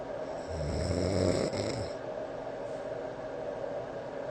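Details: Adult man snoring at night, recorded by a snore-tracking app before treatment (score about 89); one low, rattling snore of about 1.5 seconds over steady white-noise machine background. He snores basically all night.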